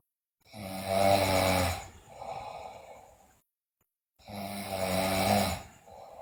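Two loud, rattling snores on breathing in, each followed by a softer breath out with a pause between; a child snoring in sleep.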